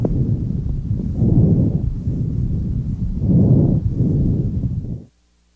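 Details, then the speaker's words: Normal bronchovesicular breath sounds on auscultation, heard anteriorly near the main stem bronchi at the first–second intercostal spaces and posteriorly between the scapulae: soft, low sounds mixing bronchial and vesicular qualities, with inspiratory and expiratory phases about equal in length. "Bronco vesicular breath sounds are a mixture of bronchial and vesicular sounds their inspiratory and expiratory phases are about equal in length"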